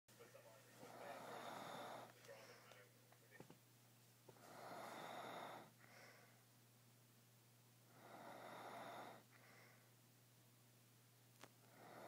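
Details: Adult father asleep while watching TV, recorded on an iPhone: regular breathy snores with a soft snort at the end of each breath, about 17 a minute, over steady room hum; ordinary sleep snoring.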